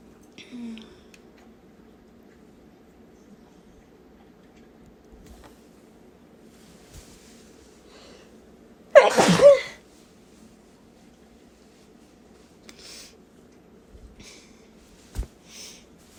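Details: Single forceful, congested-sounding sneeze in a quiet room with faint sniffs around it; old recording, person unsure whether sick at the time but possibly; stuffy sneezing.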